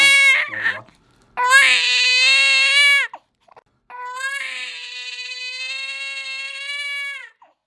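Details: A three-day-old with tongue-tie, tongue attached to its tip though latching reasonably well, during a simple frenotomy with curved scissors: loud, high-pitched wails with brief catches of breath, ordinary distress crying.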